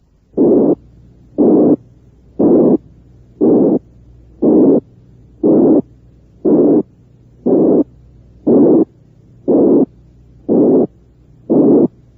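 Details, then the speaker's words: Teaching simulation of a murmur built from a narrow frequency band around 360 cycles: regular bursts of soft hissing noise at about 59 a minute, with quiet gaps between. "u a un soplo formado tan solo por una estrecha banda de frecuencia alrededor de 360 ciclos lo denominó soplos o plante de"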